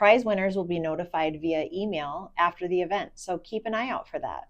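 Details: Adult woman speaking; normal voice.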